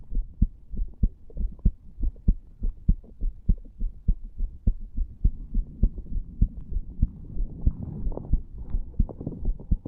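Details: Clear, regular, rapid heartbeat at about 100 per minute, recorded over the tricuspid area in a 34-year-old male lying on a bed after smoking nicotine from a cigar and "green stuff"; heart sounds.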